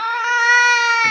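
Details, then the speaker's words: Newborn in a NICU warmer with respiratory distress gives a thin, strained, steady, painful whine instead of a normal cry: a grunting cry; such babies get oxygen and observation and are admitted if it persists. "जैसा कि इसके मुकाबले में अगर यह baby क्रा कर रहा है देखिए इसकी साउंड चेक करिए दर्द भरी आवाज आ रही"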